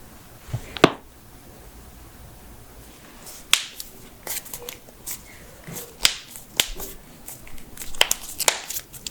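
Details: Joint cracking during manual adjustment, from a head-to-toe compilation of knuckles, backs, necks, toes, ankles, hips, wrists and jaws: several sharp pops and a run of quick cracks; harmless joint cavitation.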